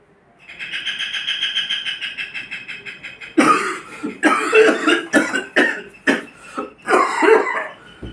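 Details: An adult actor's simulated cough for a medicine-ad audition: a pulsing, buzzing throat sound, then a run of about six harsh, forceful coughs in quick succession.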